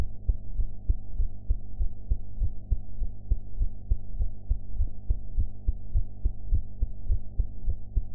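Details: Own heart sounds recorded after eating ("blue"), audio quality enhanced afterwards: muffled, fast but regular heartbeat at about 100 beats a minute over a low hum.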